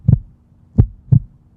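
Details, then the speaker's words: Normal heart sounds (S1 and S2), explained as produced by the heart valves opening and closing rather than by contraction: low, dull lub-dub thumps. "जो वहां पे valve लगा है उसकी ऐसे layers टकराती हैं खुलती बंद होती हैं खुलती बंद होती है तो वो क्रिएट करती है धक धक धक धक धक थक इस तरह"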